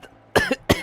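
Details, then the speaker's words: Adult coughing repeatedly during a live gaming stream, apologizing for coughing all the time: two short, sharp cough bursts with quiet room noise between; cough. "guys I'm so sorry I feel bad that I'm coughing all the time."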